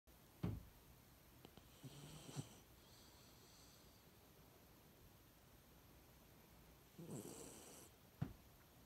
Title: Cute video of mini pocket beagle dog sleeping with snoring and dreaming